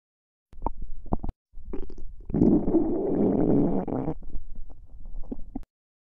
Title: Stomach Growling